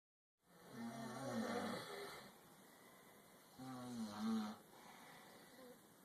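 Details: Two long, rough, low rattling breaths about three seconds apart, a snore with each breath; snoring.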